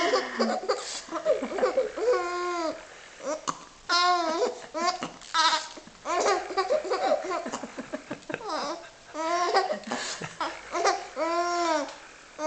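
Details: Infant laughing hysterically and babbling while playing with a toy bunny, the laughter broken by short, sudden catches from hiccups.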